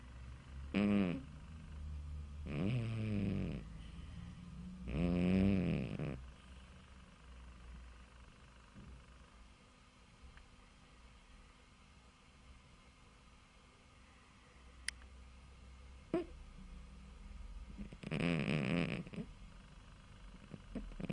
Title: My Cat Bob snoring!!